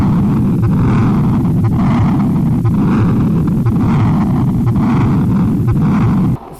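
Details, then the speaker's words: Continuous machinery murmur of patent ductus arteriosus in congenital heart disease: a loud rumbling murmur that swells with each beat, about 57 a minute, starts in systole and runs through diastole without stopping, best heard at the left upper sternal border. "And the PDA, you already listened this before. I'll explain one more time. Is continuous machinery murmur. Murmur start with systolic and runs through the diastolic phase."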